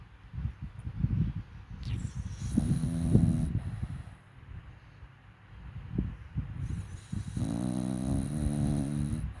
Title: Namchok love sleep on sofa and snore 😴 #nayamarcus #dachshund #funnydog